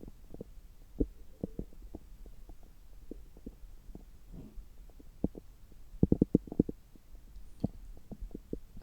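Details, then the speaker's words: Stethoscope on an adult's abdomen about three hours after a meal picks up frequent irregular clicks and short gurgles over a quiet background: active bowel sounds. "今日は久しぶりに聴診器を使ったお腹の音を取っていきたいと思います。今は、食後3時間後ぐらいで、ちょうどお腹がよく動いている時間だと思います。"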